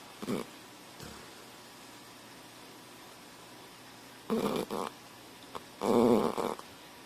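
Irregular short snorting snores, the loudest a drawn-out rattling snore near the end, with quiet gaps; a dog snoring.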